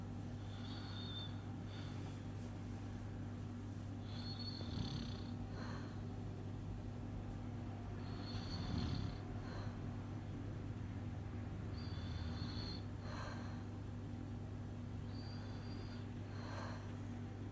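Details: Snoring: soft, snorting snores about every four seconds, roughly 15 a minute, over a constant low room hum.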